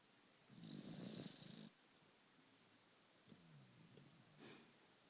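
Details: Asleep at naptime: one loud rough inhaled snore, then quieter snuffly breathing and a softer second snore.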